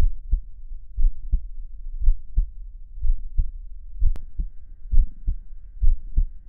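Steady, low paired thumps (lub-dub) at about 60 beats a minute, with a faint hum behind them; a normal, regular heartbeat.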